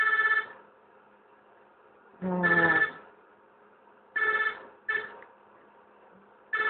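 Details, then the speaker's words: Intermittent, irregularly repeating electronic tone bursts from a noisy NICU bedside monitor beside a premature baby born at 32 weeks' gestation, eyes open and hiccupping; a NICU monitor alarm. "Ayan maingay yung machine mo"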